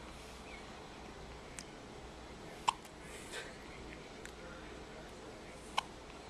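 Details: Infant girl's first-ever hiccups: soft abrupt catches every few seconds, about two clear ones plus fainter ones, in a quiet room; hiccups.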